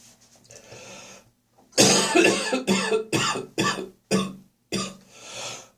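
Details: Heavy morning coughing session in autumn with gagging and spitting; productive cough.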